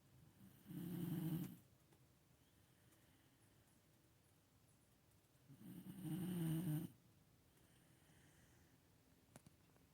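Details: Brû snoring: two deep, rumbling snores about five seconds apart, quiet between, in a small room.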